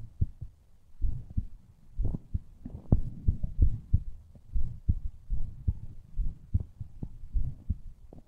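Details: Recording of the recorder's own heartbeat: regular low thumping beats at about 80 a minute, with some muffled rubbing noise between beats.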